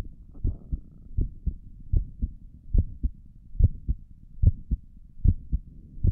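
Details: Heartbeat heard through a stethoscope on the chest for an ASMR recording: steady lub-dub at about 73 beats a minute, two clear sounds per beat; stomach gurgles occur during the recording; normal heart sounds.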